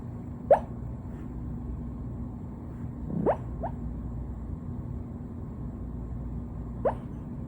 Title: Puppy Hiccups 😂 #cute #puppy #funny #hiccups